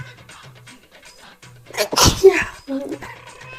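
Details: An Indian woman gives one loud explosive sneeze with a sharp intake of breath before it, amid quiet room sounds and light laughter. Sneezing.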